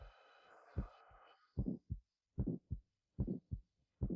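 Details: Patient sitting forward, breathing in deeply, then fully out and holding, with the stethoscope on the neck: after a breath-out rustle, clean paired heart sounds at about 74 a minute with no bruit; normal carotid auscultation.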